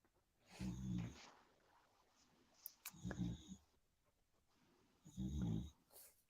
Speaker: and I got a dog snoring in the background. If you're wondering, if you hear that.